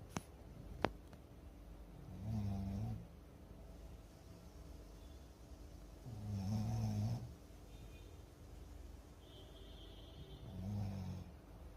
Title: Snoring champ 😅 #snoring #dogsnoring #cute #youtubeshorts #funny